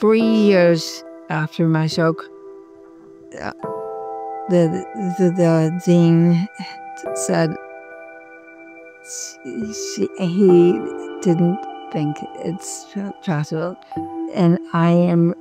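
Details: Speech of a woman with severe aphasia, a former professor of health care policy at Harvard Medical School, producing broken, incomplete sentences with repeated words.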